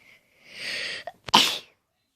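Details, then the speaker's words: A sneeze, apparently from the speaker's mother, heard during a demonstration of triggering sneezes with a Vaseline-coated Q-tip in the nose. "Even my mom sneezed. I don't know if you guys could hear that."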